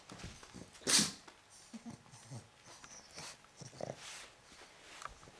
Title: A pug sneeze / Ein Mops niest (slowmotion)